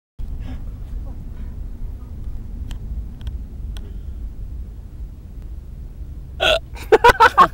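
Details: Faint clicks then a cluster of abrupt sharp vocal bursts over low vehicle-like rumble, recorded while travelling: hiccups.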